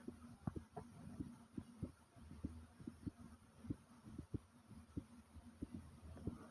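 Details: Short recording of the person's own heartbeat, described as pumping fast: quick, steady thumping at roughly 95 beats a minute over a low background hum.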